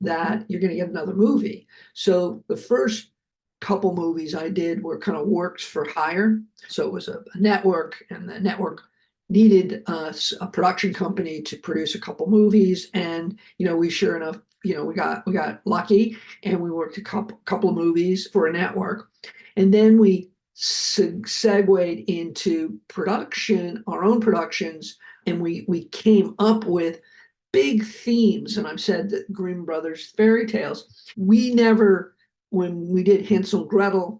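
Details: Adult man, a heart attack and aphasia survivor who keeps working as a producer, speaking with aphasia.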